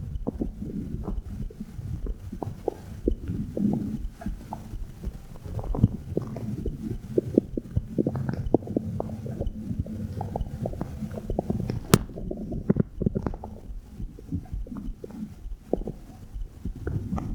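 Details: Abdominal sounds recorded with a phone microphone placed on the belly button: frequent low gurgles, clicks and rumbles of active bowel sounds; heartbeat also said to be captured.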